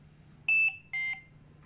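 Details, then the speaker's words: Two clear electronic beeps in a repeating pair, the second slightly lower, from a Trilogy100 ventilator, signalling conditions like a stuck button or detachable battery needing charge; low-priority alarm. "Trilogy100 also has a number of low priority alarms, which convey information that you should be aware of. For example, a button is stuck, or the detachable battery needs to be charged. Low priority alarms are 2 beeps together in a repeating pattern."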